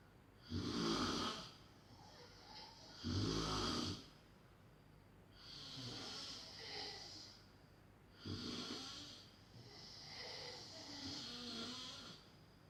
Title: Snoring XXXL / Smrčanje XXXL ASMR Extreme :)